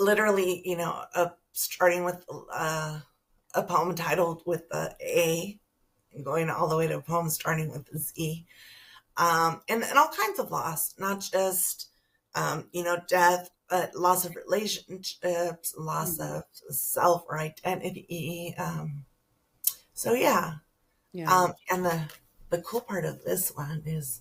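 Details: Adult woman with spasmodic dysphonia that began with stress in her first year as a teacher and took two years to diagnose; treated with Botox injections every few months, now at the end of her three-month cycle; spasmodic dysphonia.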